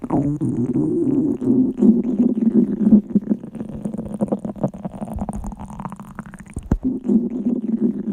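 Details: Girls' hungry stomachs growling at their hunger limit: loud, drawn-out low gurgling and rumbling with bubbly pops (borborygmi).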